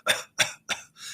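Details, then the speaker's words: Adult imitating a spike-pattern cough, three short, sharp bursts about a third of a second apart, in teaching on mechanical cough assistance (in-exsufflator) for children; spike cough versus a single direct cough. "Et on va avoir des patients qui vont aussi tousser en une fois, qui vont avoir une toux directe, ou des patients qui vont tousser comme on le décrit en spike, qui vont..."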